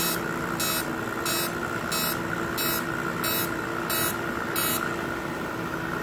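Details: Steady machine hum with evenly spaced bursts of hissing pulses, about eight in six seconds: a fractional CO2 laser firing during stretch-mark (striae) skin treatment.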